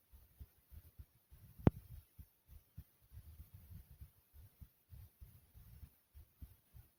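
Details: A person's own normal heartbeat, described as smooth and soothing: soft, low, muffled adult thumps repeating steadily and evenly in a quiet recording, with no added sounds.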